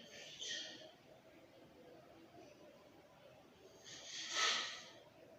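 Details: Sleep snoring: two airy, hissing breath noises a few seconds apart in a quiet room; breathy snoring.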